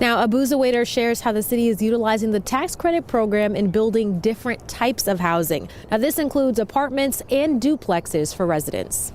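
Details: Adult woman speaking; Normal voice.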